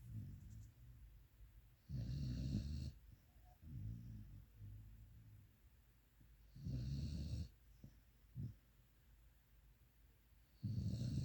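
Deep rumbling snores with snorty breaths in and soft breaths out, roughly every four seconds, in a quiet room.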